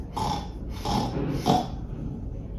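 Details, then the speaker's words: Adult's vocal imitation of stertor in a child, three low, rattling, snore-like breaths of upper airway noise; noisy breathing is given as the commonest reason for flexible laryngoscopy in children, stertor causes including turbinates or large adenoids. "यह आवाज़ starter या खर्राटे लेने जैसा। शायद। कुछ इस तरह।"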